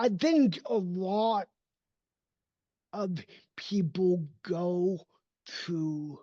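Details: Dysarthria from cerebral palsy in an adult man whose speech did not develop until age seven after extensive speech therapy and needs constant training; others sometimes assume he is drunk.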